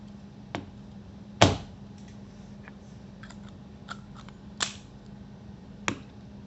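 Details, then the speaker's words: Spiriva Respimat inhaler cartridge click: a few sharp plastic clicks over faint room hum as the cartridge is pushed fully into the device during assembly. "ใส่ปลายด้านที่ใกล้ที่สุดของหลอดเข้าไปตลอดเข้าไปให้สุดจนได้ยินเสียงคลิปหรือกดฐานลงกับพื้นให้แรงที่สุดจนได้ยินเสียงคลิก"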